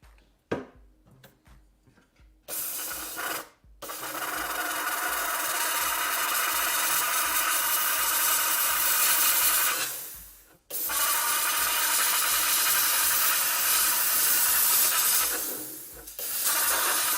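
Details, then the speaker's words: Dental lab steamer blasting wax off a Hawley orthodontic appliance with anterior finger springs being made to close a diastema: steady loud hiss of the steam jet in bursts, broken by brief pauses. "so this is my steamer uh and I use it to steam off the wax"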